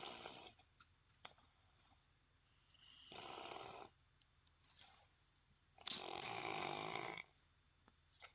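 Loud rasping snores, one on each breath, with quiet pauses between, about every three seconds: snoring.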